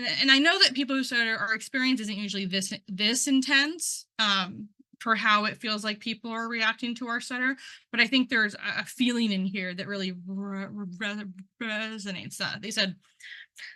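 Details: Male person who stutters, involved in stuttering communities for about 10 years, presenting at a stuttering event; real speech with audible word and part-word repetitions, showing stuttering.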